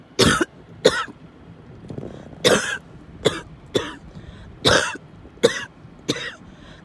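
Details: Coughing fit while in a car, described as coughing, wheezing and choking: eight harsh, forceful coughs in quick succession with strained breaths between them.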